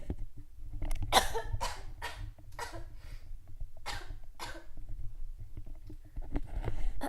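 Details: Run of about six short, harsh coughs from an adult who is a bit under the weather, coughing into the microphone while recording a podcast, with low room hum behind; an ordinary cough.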